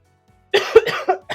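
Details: Adult who is sick and has asthma, with wheezing in the voice: after a moment of quiet, a short harsh cough followed by a smaller one, with a third cut off at the end.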